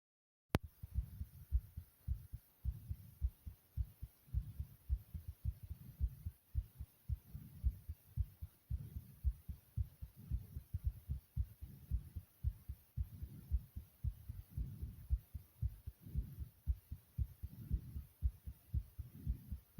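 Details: Brief close-up recording of an adult's own normal heartbeat, taken while the person was tired: steady, regular low thumping against faint room hiss.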